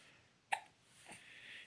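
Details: Baby, described as having hiccup burps: a single sharp, abrupt infant hiccup, then a soft breath, in a quiet room; hiccups.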